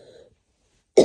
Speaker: Yes. More coughing and sneezing. Well, no, not sneezing. Just coughing.